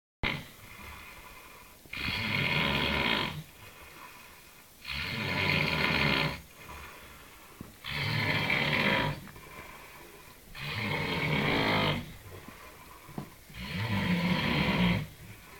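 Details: Adult Indian man snoring: loud, rattling snores with each breath in, about 20 per minute, with quiet breathing out between them.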